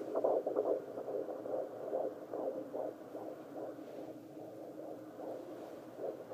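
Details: Fetal heart tones on Doppler.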